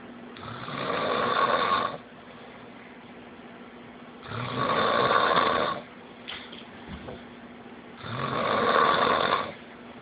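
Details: Adult sleeping officer: loud, rough snores with each breath in, about every four seconds, with quiet breaths out between; snoring.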